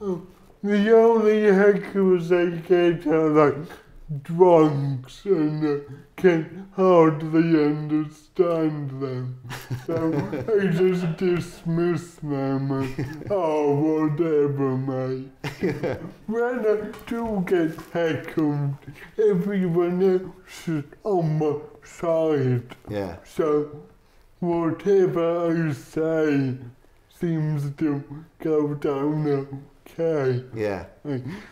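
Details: Dysarthria in an adult male comedian with cerebral palsy.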